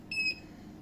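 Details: Single short, high electronic beep as the program setting is changed on a metal-body long wave therapy machine for body pain relief, which has 20 selectable programs and a manual mode, during a demonstration.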